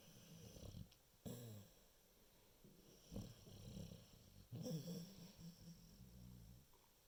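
Low, rough rumbling sounds recur every few seconds, matching snoring.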